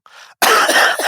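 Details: Faint short sound, then a loud harsh cough burst in a small room, from an adult podcast host's lingering cough picked up on a Tokyo trip.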